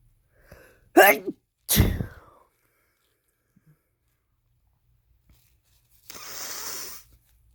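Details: Two sharp explosive sneezes in quick succession after a soft breath, then a brief sniff or exhale; a male coming down with a cold, sneezing.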